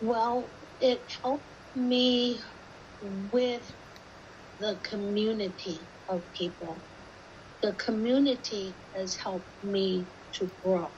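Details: Woman with aphasia who got no help until joining an aphasia support group during COVID; aphasia.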